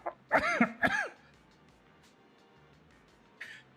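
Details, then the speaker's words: Adult streamer sick for two weeks, on the mend, still coughing; cough. "I am sick I've been sick for the last two weeks I'm on the man now but as you can hear I'm"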